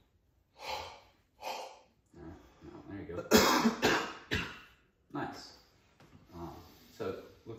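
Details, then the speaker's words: Acted active cycle of breathing technique demonstration by a student physical therapist: deep belly breaths and forced huffs, then several sharp voluntary coughs to clear mucus, before reassessing the right lower lobe. "the next one you're going to take a nice deep breath then you're going to like you're breathing like you're uh trying to clean your glasses so to speak um and then following that I want you to try and cough okay"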